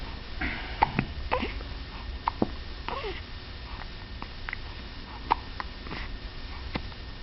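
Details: Hiccups, the third bout of the day.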